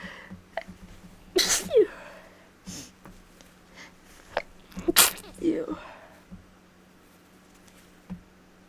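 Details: Person who thinks they are getting sick, sneezes more rapid than normal, labelled allergic: two forceful sneezes, each preceded by a quick inhale, over low steady room hum; allergic sneezing.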